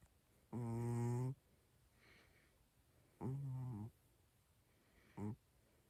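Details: Sleeping cat snoring and twitching: short buzzy voiced snores, irregular, roughly 20 a minute, in a quiet room with some static noise; snoring.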